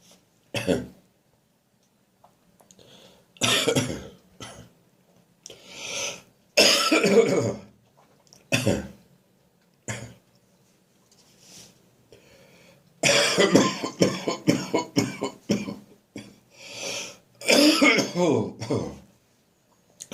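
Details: Adult with a winter cold coughing in the morning: repeated bouts of a harsh, throaty, sometimes painful cough that often causes gagging, with faint traffic noise behind.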